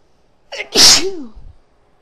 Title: Snuff Sneezes (F)